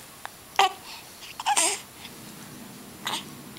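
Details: Young child saying "hi" while hiccuping: short, abrupt vocal catches at irregular intervals in a quiet room.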